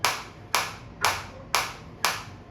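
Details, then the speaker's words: Focused shockwave therapy applicator on the operator's own hand, intensity raised to about level 10–11 and felt deep in the tissue: sharp, evenly spaced snapping pulses about twice a second. "तो न और 10 मेरे लिए enough है hand के लिए और आप देख सकते हैं कि मेरे को पूरा अंदर तक ये हिट हो रहा है और मेरे को अंदर तक फील हो रहा है।"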